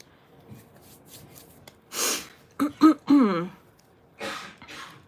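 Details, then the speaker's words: An adult with a lingering cough coughs off to the side in a small room: a noisy burst, then short voiced hacks. "um if you can hear randy coughing he still has a cough why won't these stay i want them like that um yeah so he has one of those lingering coughs that are just so frustrating"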